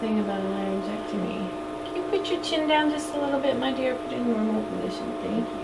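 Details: Adult woman, clinician; Normal speech.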